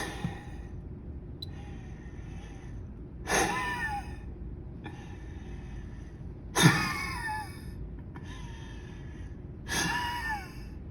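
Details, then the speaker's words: Three sharp, forceful exhalations about three seconds apart over room noise: FVC/FEV1 spirometry test in an active male college soccer player, each a long deep inhalation then short explosive breath out. "to measure fvc in fev1 the participant has to take a long deep breath in and a short but explosive breath out"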